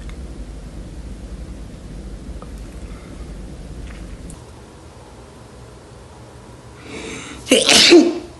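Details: Adult in a quiet room: a brief indrawn breath, then one loud explosive burst. A single sneeze.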